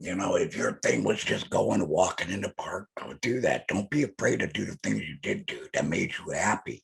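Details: Adult male laryngectomee speaking with alaryngeal speech after laryngectomy; alaryngeal speech (laryngectomee).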